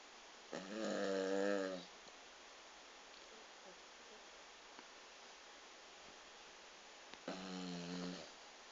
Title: Lily the yorkie is snoring